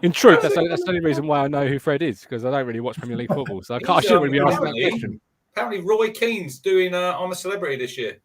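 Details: Adult man speaking; Normal voice.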